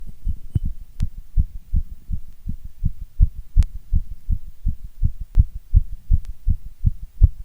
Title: My strong heartbeat sound❤️